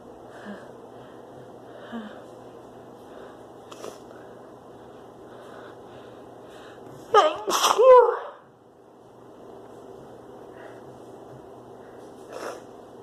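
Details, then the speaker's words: Sneezing from a female with spring pollen/flower allergies during an allergic sneezing fit: two forceful sneezes in quick succession in a quiet room. "I'm gonna excuse it. I have to sneeze."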